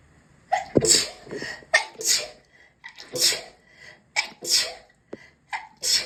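A run of about six quick, sharp sneezes, some with short inhaled catches between, in a small echoing room.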